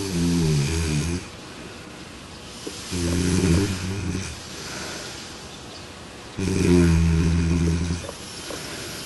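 Three low, rattling, rumbling snores in about nine seconds, each lasting one to two seconds, with quiet breathing between them: ordinary snoring.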